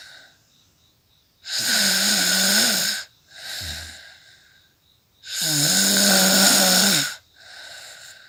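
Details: Adult woman recorded asleep: two loud, rough, vibrating snores on breathing in, each followed by a softer breath out, about 15 breaths a minute; snoring during sleep.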